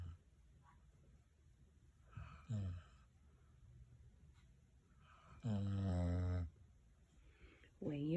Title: When your dog snores more than your husband 🤣🤣🤣🤣🤣 best vídeo ever